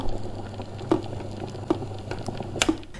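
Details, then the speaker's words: Electric steam inhaler (Medicare steamer and inhaler machine) giving off steam; low bubbling, crackling and popping of water boiling inside. "गर्म है बहुत ज्यादा व्याख्या आपको recommend करूंगा कि आपने बंद करके डाइरैक्शन सेट करना है एसिड करने अब यह बहुत ही ज्यादा गर्म हो गया है"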